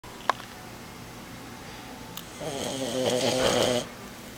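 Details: 4-month-old, 12-pound French Bulldog puppy asleep on a lap: a loud, fluttering, buzzing snore on one long breath after a quiet stretch with small clicks; snoring.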